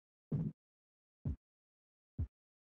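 Three soft, low thumps about a second apart in a quiet background: Korotkoff sounds heard during blood pressure measurement.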